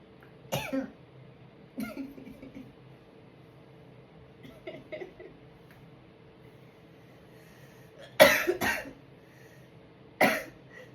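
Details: Sneezes, including a failed sneeze attempt, after inhaling sneezing powder that also triggered coughing: four short, explosive bursts with quieter breathy sounds between them, in a quiet room.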